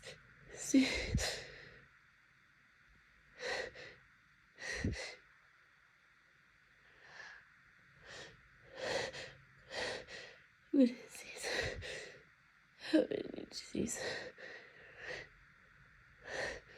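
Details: Nightly allergy-season sneezing fit lasting hours, by self-report, with an itchy nose: repeated gasping in-breaths, sighs and snorts of "I'm gonna sneeze" buildups, with one or two short sneeze bursts; allergic rhinitis sneezing.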